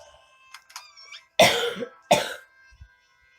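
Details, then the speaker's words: Adult who says they have been sick, coughing while playing a mobile game: two loud, harsh coughs in quick succession over faint game music. "oh I'm sorry I'm gonna continue dying while I poke around and grab some things"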